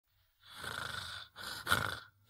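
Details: Sleeping dog that then suddenly wakes: two harsh, rattling breath sounds in sleep, the second ending in a louder snort; snoring.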